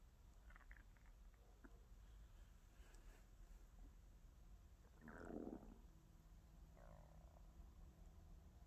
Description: Beautiful sounds of stomach noises. Tummy sounds, growls, gurgles, and grumbles.